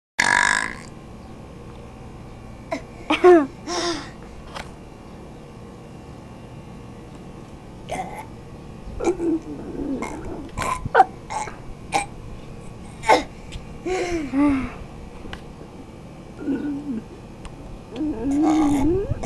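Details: Repeated loud, rumbling belches spread across the recording, some long and drawn out, in a quiet room; burping.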